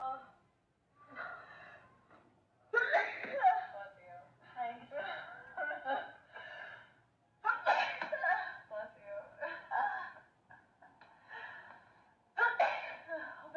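Three sharp, explosive sneeze bursts, spaced a few seconds apart, with voiced sounds and murmuring between them.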